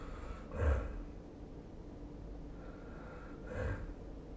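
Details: Two short, low, snorting breaths about three seconds apart over steady room noise, recorded during sleep at about 20 breaths a minute: snoring.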